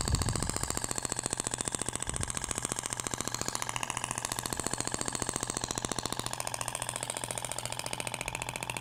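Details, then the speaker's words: Shockwave therapy applicator with stainless steel tip over abdomen avoiding umbilical scar, rapid steady tapping about 15 shots a second, sounding different from polyacetal tip; shockwave therapy device firing. "indiferente agora vai pro outro sentido até o barulho é diferente da pompea de poliacetal pra inotes"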